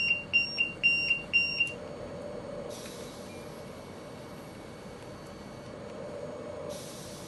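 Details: Rapid high-pitched beeps, about two a second, then stopping; alarm tones from an LTV 1200 home ventilator, with two alarms active at once.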